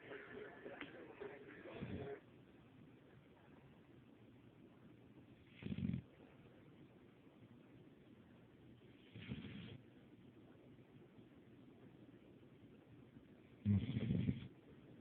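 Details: Dog in deep sleep snoring: soft, low, rumbling snores, about four in fifteen seconds, against quiet room noise.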